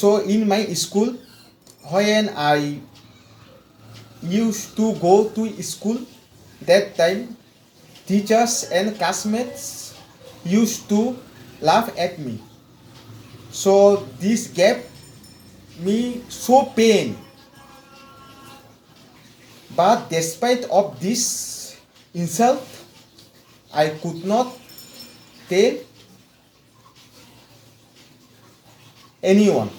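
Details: Stuttering in an adult man from India with severe stammering since childhood, after 4 weeks of fluency training; long pauses and repetitions are audible.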